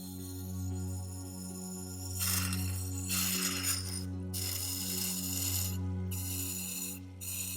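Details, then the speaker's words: Steady low motor hum with a loud hissing rush: a saliva ejector on a Schuster model 2005 vacuum pump, designed for 4 dental offices, sucking 500 ml of water in an evacuation test, taking about 18 seconds. "Agora, o sugador de saliva com bomba de vácuo Schuster modelo 2005, projetada para 4 consultórios, sugando os mesmos 500 ml de água."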